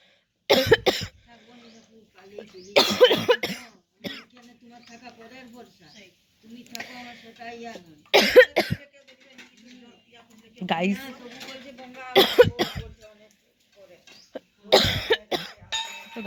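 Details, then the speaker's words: Real, not acted, persistent cough from a cold caught after returning from a trip; repeated harsh cough bursts, about six in sixteen seconds, with quiet throat sounds between. "फिर आने के बाद से मेरा तबीयत मतलब ठ ठंड वगैरह लग गया है तो खासी का तो रुकने का नाम ही नहीं है तो खाते खाते मेरा एकदम हालत खराब"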